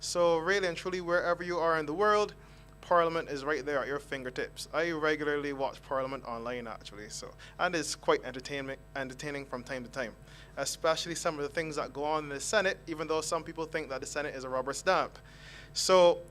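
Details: Adult man speaking; normal voice.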